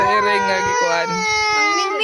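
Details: Baby crying for a missing cat: a young child cries in sustained, high wailing tones with short catches of breath between cries.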